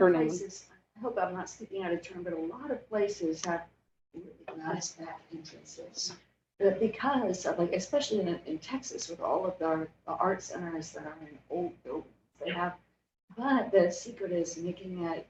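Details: Adult woman diagnosed in 2020 with spasmodic dysphonia and essential vocal tremor, with epilepsy diagnosed in 1989 (spasmodic dysphonia with essential vocal tremor).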